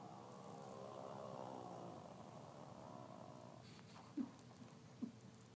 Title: Popcorn snoring